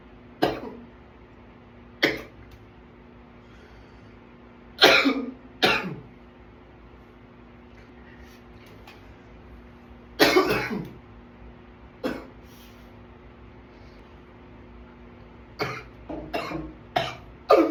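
Repeated harsh coughs, some in quick pairs and runs, about a dozen over eighteen seconds, with brief pauses between them: an ongoing coughing fit.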